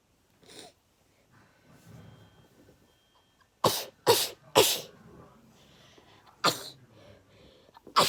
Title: Sneezing A lot